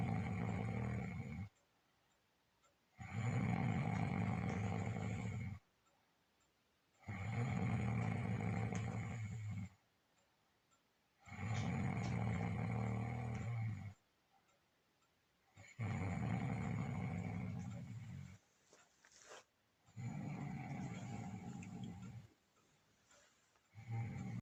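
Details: Husband snoring loudly, rough low snores recurring steadily about 15 per minute with quiet pauses between breaths; snoring.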